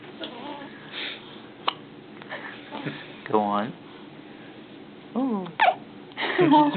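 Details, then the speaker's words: Newborn about 30 hours old, 7 lb at birth, with hiccups: brief, sudden squeaky hiccups with small vocal squeaks and quiet adult talk in the room. "I like the little squeaks with them what do you make of those hiccups"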